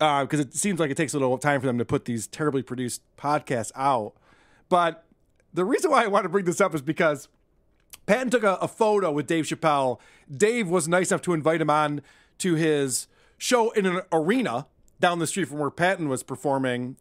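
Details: Adult male speaker; typical speech.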